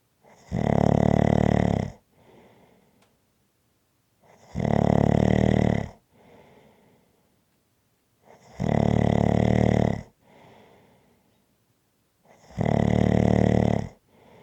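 Loud, rattling snores on each breath in, about 15 a minute, with quiet breaths out between; ordinary snoring.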